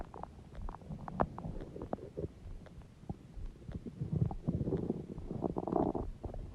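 Loud, continuous gurgling and rumbling with bubbly pops; active stomach growling, a normal digestive sound.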